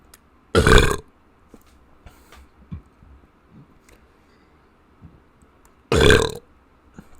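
Two loud, deep burps about five seconds apart, with faint room noise between; ordinary belching.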